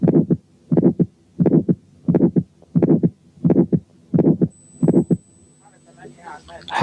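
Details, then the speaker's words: Quiz case 7, heard at the first aortic area with the diaphragm: regular heartbeat near 86/min with an ejection click and a harsh ejection systolic murmur of aortic stenosis. "7 كان ايورتيك ستينوزيس عامل ايجكشن كليك وايجكشن سيستوليك ميرمر."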